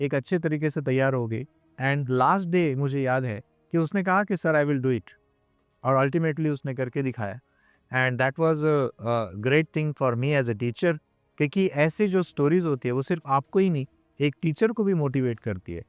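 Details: Adult male speaker (teacher); Normal speech.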